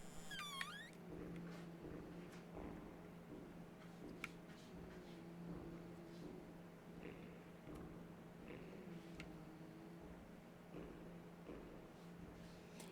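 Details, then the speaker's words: Sleeping cat, described as a loud snorer, snoring in a quiet room: soft, rhythmic, low rattling breaths with a brief squeak at the start. "you guys can't hear that cat snoring i would be shocked i guess it might be get caught cut out by the low-cut filter but he is loud and he snores"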